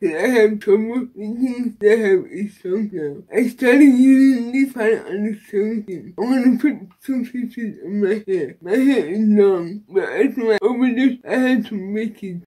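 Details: Dysarthria from cerebral palsy in an adult woman with a baclofen pump, who was previously hospitalized after a baclofen pump overdose.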